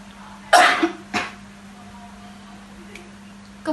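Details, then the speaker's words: Demonstration of the controlled effective cough technique for clearing sputum, nursing training: two breaths in through the nose and out through the mouth, a third breath held 2–3 seconds, then two short, strong but not too loud coughs in a quiet room. "tetapi pada Tarik nafas yang ketiga ini tahan sebanyak 2-3 detik kemudian batukan dengan kuat pendek tetapi jangan terlalu kencang seperti ini"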